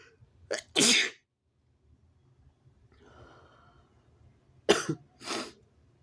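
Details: Sneezes induced by tickling with paper tissues; two sneezes, each a quick intake then a sharp explosive burst, separated by quiet breathing.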